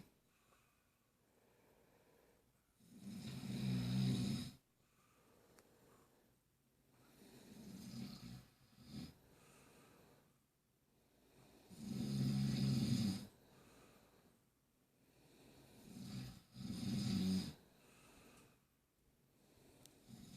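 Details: A person snoring with a baby moving nearby: low, rumbling snores on slow breaths, about 14 a minute, with quieter breaths between, in a quiet room.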